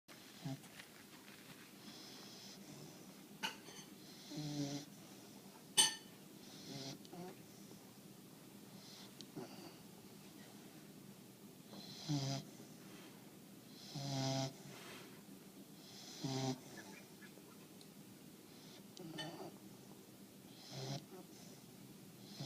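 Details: Boomer snoring: quiet, short snuffling and whistling breaths every two seconds or so against room hiss; soft snoring.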